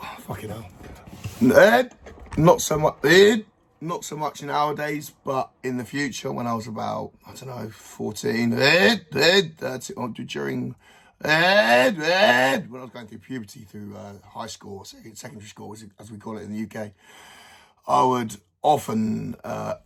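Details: Adult man with Tourette syndrome, neurological, present from birth, reportedly usually inherited, with vocal tics including swearing plus motor tics, worse when self-aware; also reports additional mental health problems: vocal tics (Tourette syndrome).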